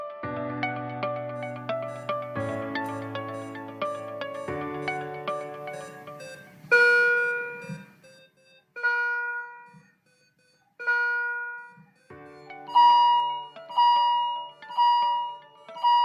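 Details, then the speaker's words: After a short guitar intro, a hospital bedside patient monitor beeps steadily, first about every two seconds, then every second: patient monitor beeping. "if you answered hospital that is correct that is the sound of a monitor which identifies the heartbeat of or respiratory rate of the patient"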